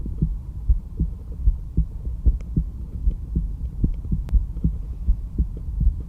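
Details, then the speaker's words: Stethoscope at the aortic area, second intercostal space right of the sternal border: steady lub-dub heartbeat at about 75 to 80 a minute; normal heart sounds. "The first area that we're going to listen to is the aortic valve area, which corresponds to the aortic valve. And now this is best heard over the second intercostal space right of the sternal border, which translates as the second rib space right of the breastbone."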